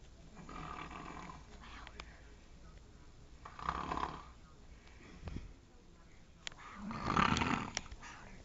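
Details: Woman snoring during sleep: three rough, rattling snores over about eight seconds, with faint room noise and clicks between them. Snoring.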